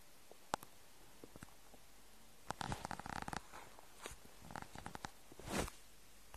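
Quiet gurgles, pops and crackling bubbling from an empty stomach, a normal bowel and stomach rumbling.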